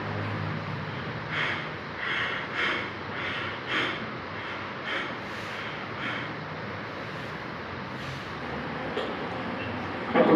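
Quick, shallow breath sounds repeat in fast succession over steady background hiss, fading later in the clip: rapid breathing, tachypnea.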